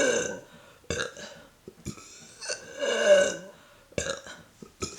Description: Neck view of burps when swallowing air.